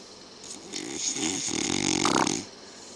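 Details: Father snoring during sleep: rough, rattling snoring sounds on a breath, rising in loudness then fading.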